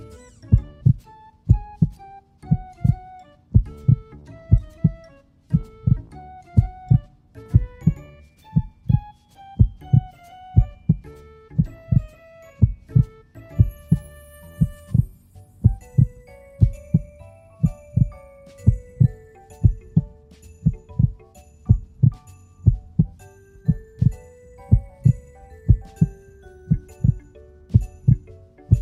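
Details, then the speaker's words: Steady, regular heartbeat thumps at about 60 a minute with gentle music over them, an example clip for counting heart rate over one minute when learning vital signs; normal heartbeat. "เดี๋ยวเราจะมีตัวอย่างคลิปเสียงหัวใจเต้นนะคะลองนับดูว่าได้กี่ครั้งนะ"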